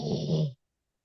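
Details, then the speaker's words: Large dog of about 210 pounds lying next to a person on a call: a low rumbling snore, one breath lasting about half a second; snoring. "I can hear that dog snoring. Yeah, I know. I'm trying to get him away from me, but he's like 210 pounds, so he's a little hard just to push out of the way."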